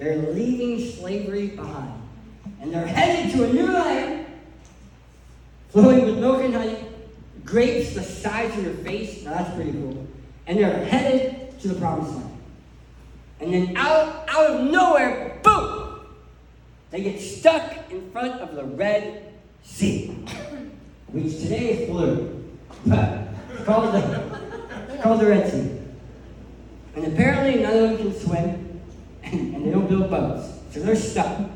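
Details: Adult male who lost 80% of his tongue to cancer, with a permanent speech impediment: articulation disorder after partial glossectomy.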